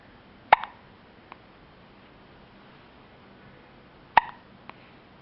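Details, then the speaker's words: Two sharp, brief hiccup sounds about three and a half seconds apart in a quiet room; hiccups. "do you have a hiccup? Oh."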